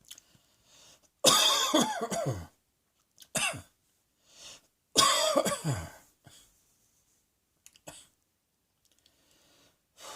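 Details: Two long fits of harsh coughing with several short coughs and quiet breaths between, in a quiet room; repeated coughing.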